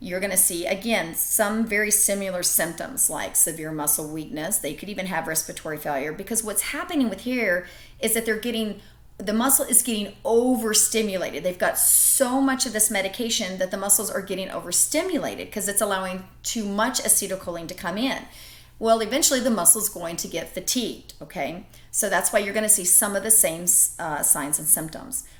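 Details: Adult woman speaking; normal speech.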